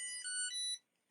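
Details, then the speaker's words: Short, bright three-note electronic chime under a second long: the insulin pump of an adult with type 1 diabetes, alerting that it needs refilling with insulin in about an hour. "I apologize for my beeping here sorry that's uh the the the beeping of the the the smartphone or uh something device uh it's an insulin pump"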